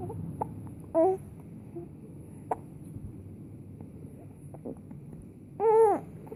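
Two short, abrupt voiced catches with a sharp onset, about five seconds apart, with quiet clicks between; consistent with hiccups.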